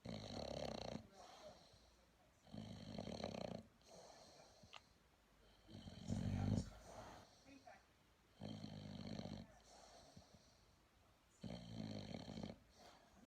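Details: Bulldog puppy asleep, snoring away; loud, rattly snores recurring every few seconds with softer breaths between; he doesn't always snore but does so heartily.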